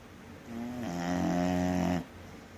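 A single loud, rough, buzzing snore with a tonal, honking quality from a flat-faced dog, typical of noisy breathing through a narrowed airway.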